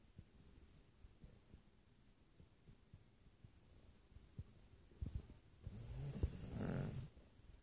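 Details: Quiet sleep breathing with soft snuffles, then a louder rattling snore on inhalation; snoring.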